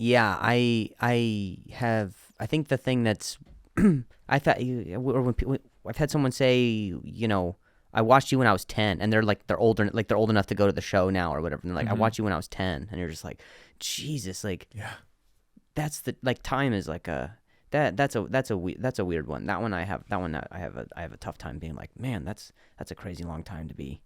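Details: Male comedian with a stutter, in real conversational speech on his podcast; stuttering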